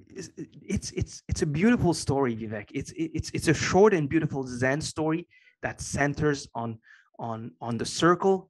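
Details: Adult man with a lifelong stutter he has had as long as he can remember; after many years of meditation practice he has more control over it and says it is now barely audible; stuttering.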